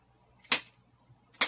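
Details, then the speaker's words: Two sharp mechanical clicks from a chiropractic activator delivering quick impulses into a spinal joint segment to relieve muscle spasm, used while treating a female headache patient. "is a little device and what it does is it shoots a little mechanical impulse into the joint segment which says the same thing and it stretches that muscle real quick to send that signal up to the brain which sends a single back and it turns off that muscle spasm so you hear a little clicking noise and it doesn't hurt"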